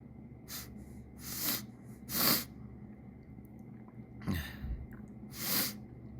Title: Summer Sneezes and Sniffles